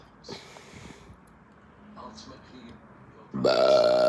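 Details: Hiccup-like burps: soft hiccup-like burps, then a louder sustained voiced sound at the end; burping.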